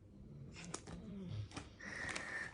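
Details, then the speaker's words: Low, rumbling snoring breaths with soft snorts from a sleeping dog, drowsy after Benadryl given for itching, in a quiet room. "sorry hear that snoring that's my daughter's uh that's my daughter's dog tilly she's snoozing today she had to take some medicine because she's been itchy itchy so benadryl strikes"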